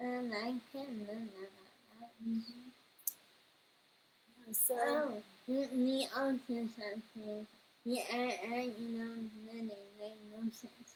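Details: 21-year-old woman whose neuropsychological evaluation found level 2 autism, anxiety, needle phobia and a speech disorder; speech disorder.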